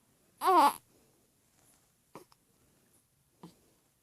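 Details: Hiccups: a brief voiced squeak followed by two short, sharp catches about a second apart.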